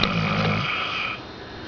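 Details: A sleeping Saint Bernard snoring, with a single brief, low rumbling snore fading into quiet room noise.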